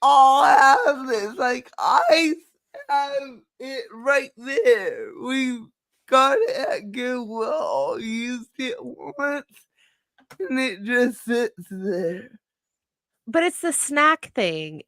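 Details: Dysarthria in a woman with cerebral palsy, who says nothing can be done about her speech; dysarthria (cerebral palsy).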